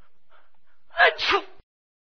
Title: Achoo Sneeze Sound